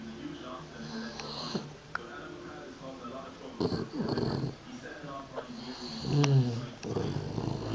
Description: Our new dogue de bordeuax puppy 9 weeks old is all tired out from play.snores loudly